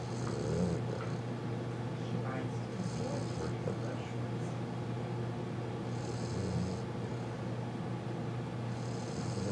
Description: Newfoundland puppy happily snoring.